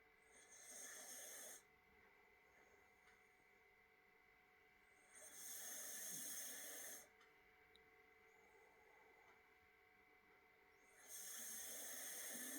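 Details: Cockapoo dog snoring while asleep at the table: hissing, airy snoring breaths, about 11 a minute, over steady room hum; ordinary snoring.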